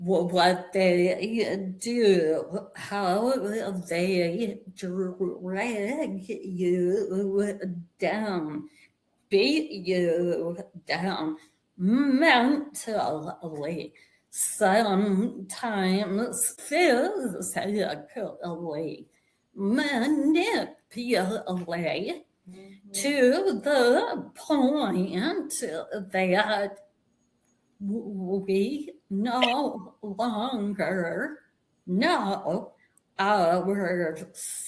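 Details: Woman with a real vocal tremor, which the host says developed after over 50 years of narcissistic abuse and trauma that began at age five, and which she describes as manifesting physically in her body and nervous system; vocal tremor.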